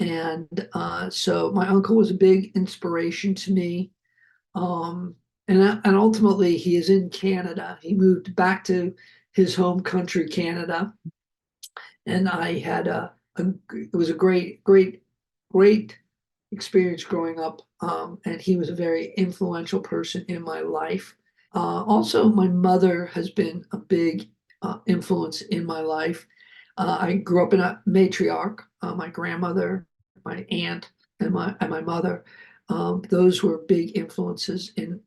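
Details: Adult male heart attack survivor with aphasia, speaking after noting his aphasia was kicking in; aphasia.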